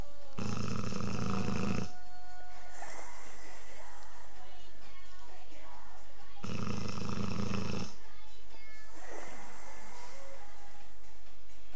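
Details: A bullmastiff snoring, described as quieter than most days: loud, deep rattling snores about six seconds apart, with quieter breathing and faint background sound between.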